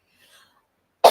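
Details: An adult woman gives a single sudden, loud, explosive cough, cut short, after near-silence with faint soft sounds during a spoken talk.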